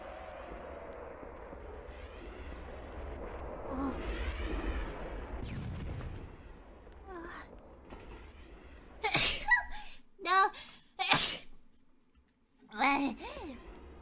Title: *sneezes* AAAHH—